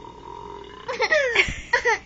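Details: Burping: a brief throaty belch-like sound mixed with a young child's laughter, ending in further giggles; ordinary burping.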